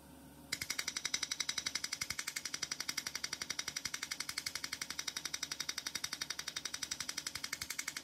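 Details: Erbium YAG laser removing an epidermal nevus from a female patient's skin under anesthesia: rapid, very regular sharp snapping pulses, about 170 a minute; Erbium YAG laser pulsing.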